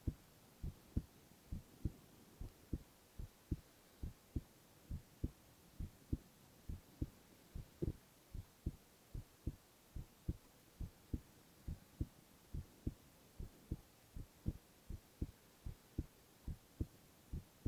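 Steady, regular heartbeat thumps at about 68 a minute over a faint hiss.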